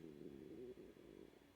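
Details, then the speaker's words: Adult's stomach growling from hunger: a low, wavering, gurgling rumble that rises and fades over about a second and a half (borborygmi). "can hear my stomach growling because I'm hungry."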